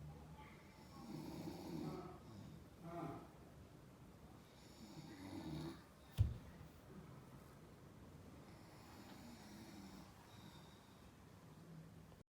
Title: Snoring...